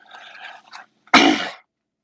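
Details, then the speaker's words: A single loud, abrupt cough after quiet speech, from an adult getting over a cold with a slightly raspy voice: cough. "i'm getting over a cold excuse me uh you probably can hear it in my voice it's a little raspy"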